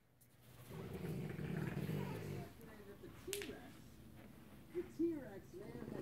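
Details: French bulldog snoring: loud, rough rumbling snore with throaty engine-like rattle, followed by a few snorts and squeaky noises.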